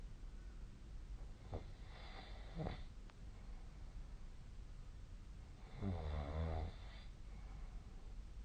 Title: 🐽 本日のイビキ / Snoring Sleep Sound 2025/01/28